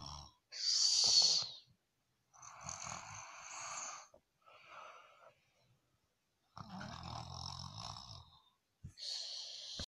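Irregular hissing, snorting breath noises with uneven gaps, consistent with snoring.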